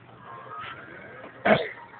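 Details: One abrupt, muffled burst of air over faint room noise: a stifled sneeze.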